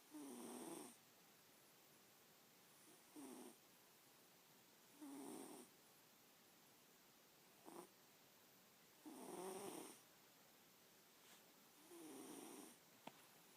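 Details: Sleeping cat snoring: six soft, rattling snores over about 14 seconds, roughly 14 a minute, with quiet pauses between.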